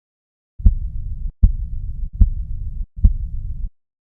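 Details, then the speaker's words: Teaching recording on the ventricular cardiac cycle: four regular low heart thumps at about 77 a minute, each followed by a low rumble; normal second heart sound (S2), aortic valve closure at the end of ventricular systole. "final de la sístole ventricular quien se va a cerrar la válvula aórtica y ese cierre va a producir el segundo ruido"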